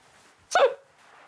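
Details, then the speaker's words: A single brief, sharp involuntary vocal yelp from a boy with Tourette syndrome, part of a complex tic where he grimaces, breathes in and makes this noise; quiet room. "Friends, family, the tics I have is a complex tic here, where I grimace and breathe in and make this noise."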